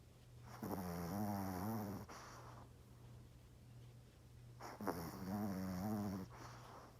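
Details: Yorkie (small dog) sleeping hard, snoring very loudly: two long, loud, rumbling snores with a quiet pause between them and a steady room hum.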